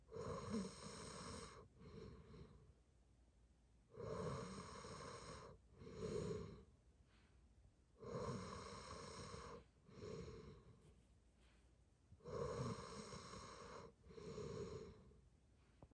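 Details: Adult snoring, not as loud as usual this day: soft, steady snores on both breathing in and out, about 15 breaths a minute; mild snoring.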